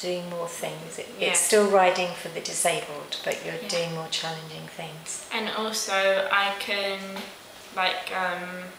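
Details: Adult woman speaking; normal speech.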